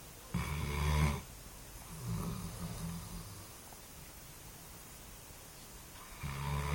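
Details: Snoring from Szimba: low rattling snores on inhaled breaths, three in a short stretch, with quiet pauses between, in a small room.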